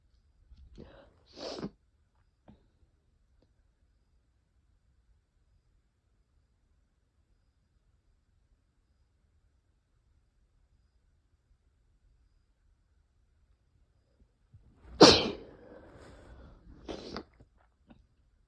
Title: tired sneezing fit